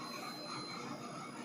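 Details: Philips Brilliance 16-slice CT scanner in service mode: steady mechanical whirring and grinding of the motor driving the patient table, a normal machine sound.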